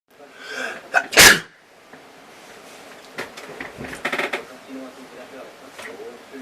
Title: Cool Belching with bonus me Sneeze